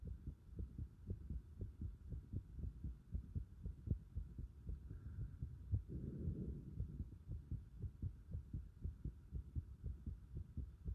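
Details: Heart sounds picked up with pulsation at the pit of the stomach (epigastric): a steady, low thumping heartbeat at roughly 60 beats a minute.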